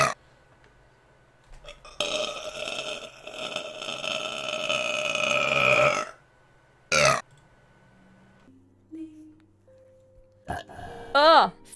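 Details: Girl burping: a long, loud, drawn-out burp, then a short one, then further belching over faint background sounds.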